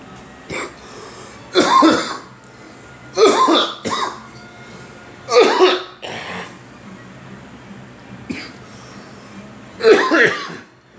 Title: Girl and me coughing